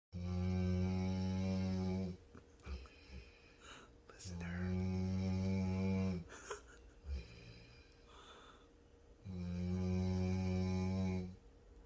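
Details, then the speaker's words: Female black Labrador dog snoring: loud, drawn-out droning snores of about two seconds each, about 13 a minute, with quiet gaps between them. "the one that's snoring is the black lab oh she knew I was recording her"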